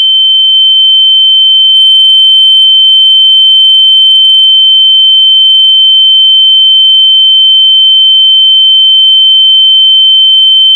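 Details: Simulated tinnitus: a steady, loud, high-pitched pure tone imitating the ringing in the ears.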